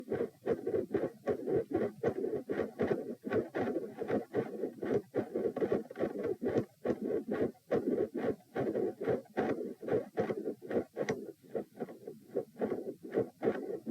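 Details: Heart sounds recorded at position P during provoking manoeuvres (Valsalva lying, standing then quickly lying, lying on each side): both S1 and S2 split, with multiple murmurs and a rough murmur filling the gaps between beats.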